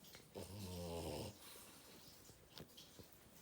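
A single loud, growly, vibrating snore lasting about a second, then quieter snuffling breaths; dog snoring.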